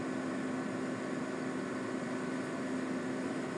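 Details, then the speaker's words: Prunus Boaray 3000D ventilator air compressor during installation and calibration: steady mechanical hum and hiss as it runs and builds pressure to about 395 kPa (around 4 bar). "tunggu sampai running perhatikan tekanan di sini nanti di sini muncul tekanan ini masih n dia pindah Teran nah ini dia lagi running tekanan sampai kurang lebih 395 KPA atau ee sekitar 4 bareng"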